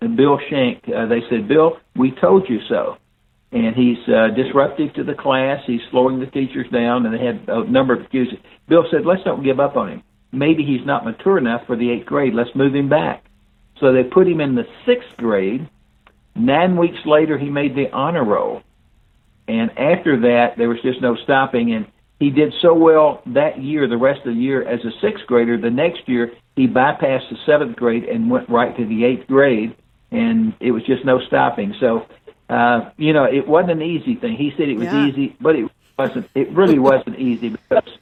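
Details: Older adult man speaking; unaffected speech.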